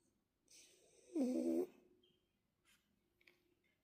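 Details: Sleeping French bulldog giving a single soft snoring breath with a brief fluttering rasp, then quiet room sounds; gentle snoring.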